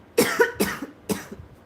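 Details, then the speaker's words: Adult sick on and off for about seven months gives a quick run of about three harsh coughs in a small room; separately describes a painful walrus-like sound: cough. "I can deal with the cough, but the walrus sound hurts."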